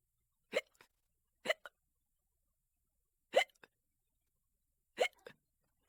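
Four brief, abrupt hiccups spaced irregularly over six seconds in a quiet room: hiccups from sudden diaphragm spasms.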